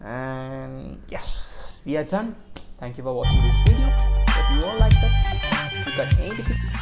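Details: Adult speaker; normal speech.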